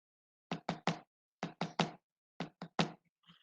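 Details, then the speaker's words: Simulated gallop rhythm (S3) in a cardiac pathophysiology lecture, imitated by knocking: three knocks in repeating groups, an added third heart sound, contrasted with normal two-beat and sinus tachycardia rhythms. "Mientras que en el ritmo de galope, lo que va a pasar es que se aumenta un tercer ruido, y escuchen la diferencia."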